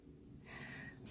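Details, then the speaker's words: Sleeping bulldog snoring: a single noisy, rough, rattly snorting breath rising out of a quiet room. "and sorry for the rude noises it's my Bulldog sleeping is snoring you hear that it's not me making bodily function noises I promise"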